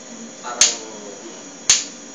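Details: Shockwave lithotripsy for hardened masses like kidney stones: two sharp, loud cracks about a second apart over room hum; lithotripter shockwave discharge.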